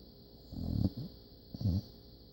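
Two low, rumbling snores from a sleeping puppy, each under half a second, with faint background hiss.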